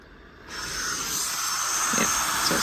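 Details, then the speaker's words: Steady airy hiss starting and holding as a small travel CPAP machine begins releasing air, run off mains power through a portable power station, for an adult with medium-range sleep apnea; normal running airflow. "definitely releasing air now. And you can see it's showing that uh power's been drawn then."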